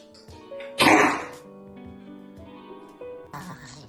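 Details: Dog with harsh, hacking cough burst over background music; presented as kennel cough (canine infectious tracheobronchitis).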